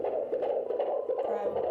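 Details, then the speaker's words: Fetal heartbeat at 15 weeks of pregnancy, found with a handheld Doppler by a student midwife: rapid rhythmic whooshing pulses, very clear for so early in pregnancy. "that is the most clear heartbeat I've ever heard early on"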